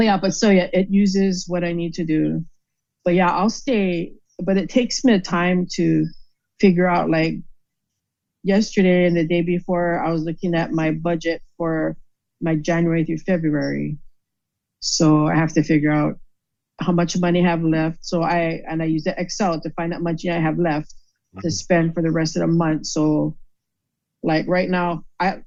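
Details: Aphasia caused by stroke, in an adult woman.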